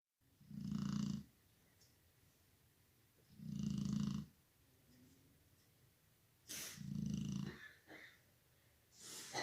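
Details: Snoring of a sleeping female: three low rumbling snores about three seconds apart, with faint clicks and sniffs between.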